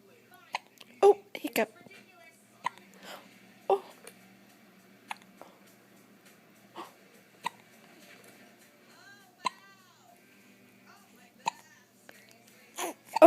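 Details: Baby girl smiling and cooing while she has hiccups: brief sharp catches recur at irregular intervals in a quiet room with soft baby vocal sounds, harmless infant hiccups.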